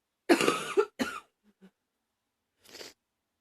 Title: # 19 Cold... sniffling and coughing a bit